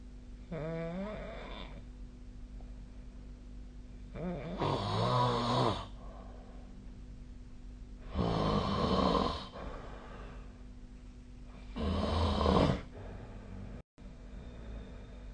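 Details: Loud, rattling snores recur about every four seconds, roughly 16 a minute, over a steady room hum: snoring during sleep.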